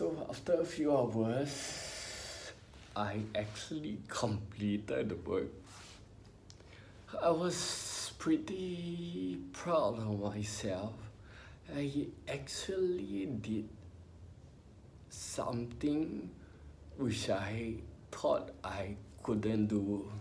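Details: Adult man with spinocerebellar ataxia, diagnosed by a neurologist about 20 years earlier after trembling hands and unsteady walk; has had speech therapy; ataxic dysarthria.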